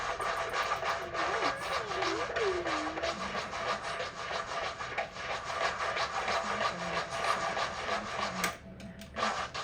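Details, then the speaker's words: Echocardiogram Doppler in an 8-week-old puppy: harsh, rushing, scratchy flow noise with rapid pulsing through a patent ductus arteriosus narrowed to about 1 mm; turbulent flow. "It got down to about 1 millimeter, but it's still letting blood flow through there. You see all this little mixing of blood here, and it makes a lot of noise."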